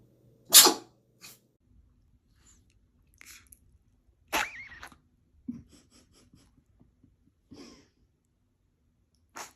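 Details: Animal sneezing, possibly after getting water in its nose: one loud, sharp sneeze followed by a few smaller snorts and sneezes with quiet between.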